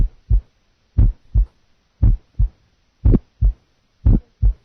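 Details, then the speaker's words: Simulated heart sounds, about 57 beats a minute, with an early click just after the first sound: aortic ejection sound, compared with a single first sound. "listen now aortic ejection sound compared to single first sounds single first sound"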